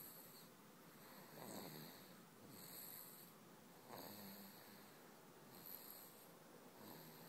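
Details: Snoring during a daytime sleep.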